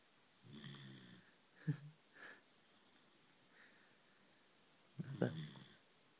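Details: German shepherd puppy sleeping in a quiet room: a few short, rough snorting breaths with a faint whistle; puppy snoring.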